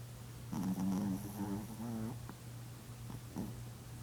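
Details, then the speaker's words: Sleeping female Chihuahua, a habitual loud snorer: a low, buzzing snore over steady hum, followed by softer snuffling breaths. "my chihuahua snore so loud that I just thought I'd videotape it I feel like she's always snoring loud"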